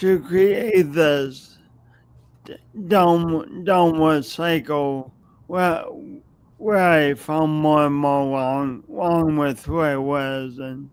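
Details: Adult man with a long-standing speech impediment, no specific diagnosis named, audible whenever he speaks; stuttering.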